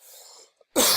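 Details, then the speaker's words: A sick adult trader speaking while ill: a single abrupt, harsh cough after a moment of quiet room noise, clip ending mid-cough. "I'm going to leave these coughs in so you understand this is real trading"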